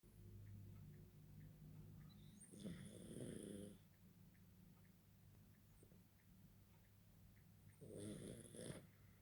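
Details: Pug asleep: two harsh, fluttering snores about five seconds apart over steady low room hum; snoring.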